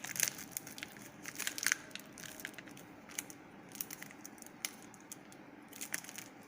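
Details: Soft crinkling and tearing of plastic packaging as a new syringe is opened during a nursing demonstration of a venous blood draw from an arm vein.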